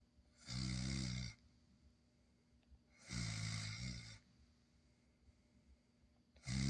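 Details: Schnoodle puppy snoring in sleep: two loud, rough snores about two and a half seconds apart, a third starting.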